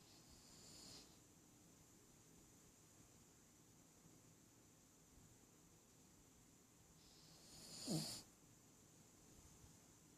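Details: Soft, airy snoring breaths from a sleeping Havanese dog, ending in a brief snort; loud snoring.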